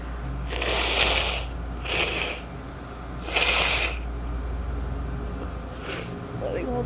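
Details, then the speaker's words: Adult female with a summer cold after a fever, congested, sore throat, in bed: several hissing nasal bursts with sniffs between them over a steady low hum; sneezing and nasal snorting. "And then the past couple days I've just been like really congested and having to blow my nose a lot and just sneezing."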